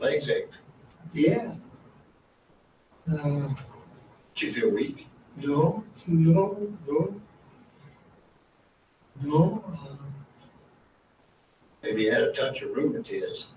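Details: Adult man in an older recording, struggling to get words out despite knowing them, becoming frustrated: Broca's (nonfluent) aphasia.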